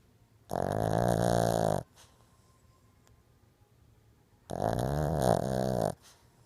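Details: Sleeping Shih Tzu snoring: two loud, rumbling snores, each about a second and a half long, with a quiet pause between.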